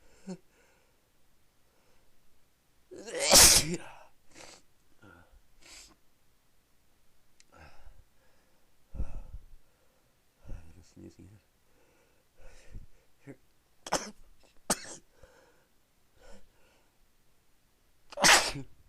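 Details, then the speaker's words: Repeated sneezing bout from someone who has been sneezing all day and kept sneezing for another 20 minutes: several loud, explosive sneezes with quieter breaths and sniffs between them. "Oh man, I can't stop sneezing. Sneezing."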